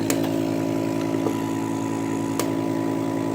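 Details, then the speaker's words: Vacuum suction body-contouring paddle on a laser lipo, cavitation and RF machine, pulse mode, suction and release set about 10–11. Steady low motor hum with sharp clicks as suction cycles and releases, moved to the next skin spot each click. "starting the suction and that lets releases then you want to put it on the skin and when it releases that pull it up and hurry up and move it to the next spot for the next click"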